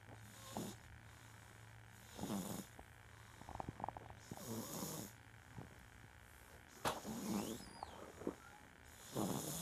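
Repeated rough snores with snorting breaths, about four in ten seconds, over steady background hum; snoring.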